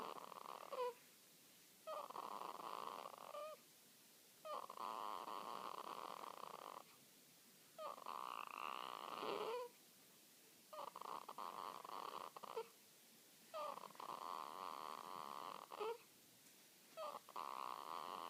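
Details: Newborn girl a few hours old, asleep: soft, rhythmic, noisy breaths with small squeaks about every two seconds; ordinary cute newborn snoring noises in sleep.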